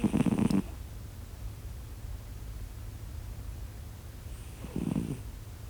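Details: Two short, rattling snorts about four seconds apart over a quiet background hum, from a sleeping cat; snoring.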